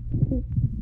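A brief stretch of an infant's chest sounds: a low, rough, harsh breath noise with a few short crackling pops over it. These coarse crackles with tracheal and bronchial breathing point to a narrowed windpipe with secretions in the large airways from tracheobronchitis.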